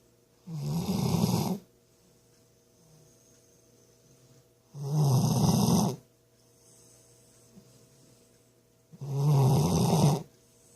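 Three loud, rattling snores on the in-breath, about every four seconds, with quiet out-breaths between: ordinary snoring.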